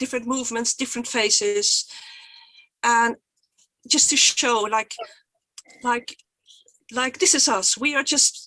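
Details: Stuttering in a Swedish woman who stutters and presents for the Swedish stuttering association; she was photographed during a stuttering block.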